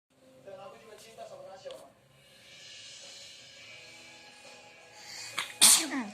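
Brief murmuring and hissing build-up, then one sharp, explosive sneeze with a short trailing breath; an ordinary single sneeze.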